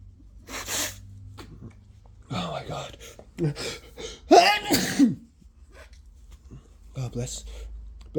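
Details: Several sharp sneezes in a row with short gasps and talk between, during a flu illness; repeated sneezing fit.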